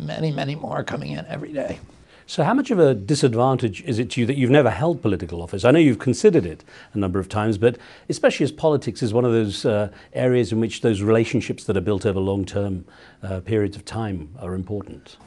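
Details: Adult male speaker; normal speech.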